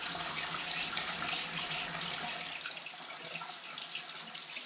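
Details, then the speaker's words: Ear irrigation to remove excess ear wax: a steady rushing, hissing water stream like a running tap, which the patient found loud, like Niagara Falls. "was it loud it was loud and how would you describe the loudness is that like Niagara Falls yeah yeah okay yeah or a plain engine kind of sound"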